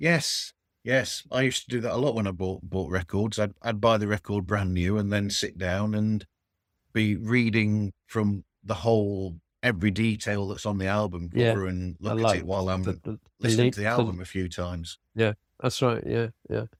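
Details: Adult male speaker with a second conversation partner; conversational speech.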